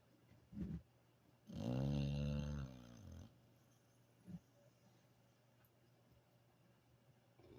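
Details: Dog sleeping after a hard day of play gives a deep, groaning, vibrating breath of about one and a half seconds between soft snorts; snoring.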